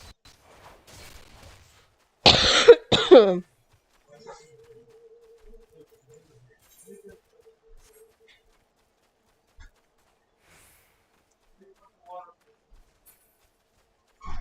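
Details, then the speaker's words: Adult with a lingering cough after COVID, now testing negative, coughing while playing a video game: two loud, harsh coughs with faint game sounds behind. "okay and again I apologize for coughing a lot I had uh covered for a little while um I'm currently negative but the cough's still there and I hear it lasts a while"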